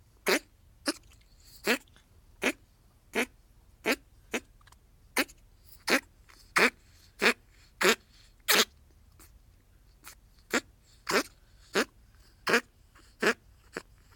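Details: Persistent dry cough in a pet ferret that began in mid-May, during coat shedding; owner hopes it is a cold or hair stuck in her bronchi but suspects bronchitis. Short, sharp hacking bursts, about 20 in a row with a brief pause.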